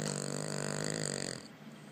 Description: Banjo goes to owner's office a few times a week and snores on his lap. Here is one of those days.